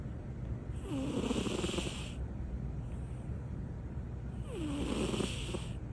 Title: Snoring cats